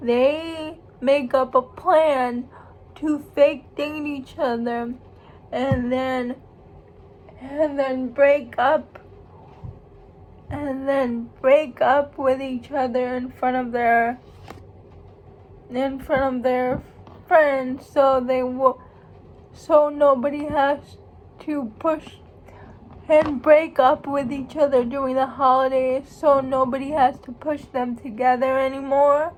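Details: Female speaker who states she has cerebral palsy, real condition; speech in cerebral palsy.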